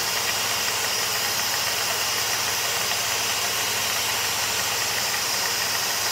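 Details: Dental suction unit (Micro-Smart, firmware 20180223) in a test rig, ball valve simulating a spittoon valve: steady airy rushing hiss with low motor rumble, unbroken, light but fairly constant flow, pulling nicely.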